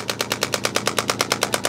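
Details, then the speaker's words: Radial pulse shockwave therapy on an adult for strain on the right side of the neck into the shoulders and the upper corner of the scapula: a steady, rapid train of sharp clicking pulses, about ten a second. The patient describes a deep ache. "today we're going to be doing some more of our radial pulse shock wve we've got here it's been a long day at the office he's feeling a little bit of strain on the right side of the neck a little bit into the shoulders"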